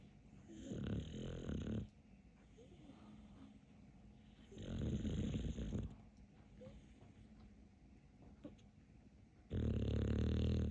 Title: TIKTOK DOG. Каплер король храпа .Capler is the king of snoring.